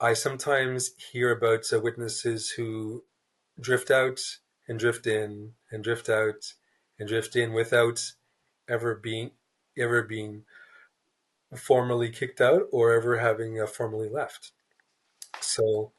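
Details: Stuttering in an adult man, a writer who is a person who stutters, speaking in a real interview; word repetitions and blocks are audible.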